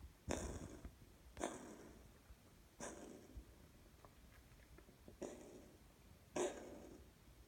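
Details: Cat coughing, recorded June 2018: five short, soft hacking bursts at roughly one-second intervals over quiet room noise.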